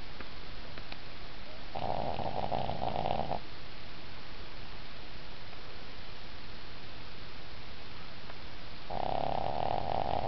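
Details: Napping on a bed and snoring very loudly: two long, rough, rattling snores about seven seconds apart with quiet breathing between.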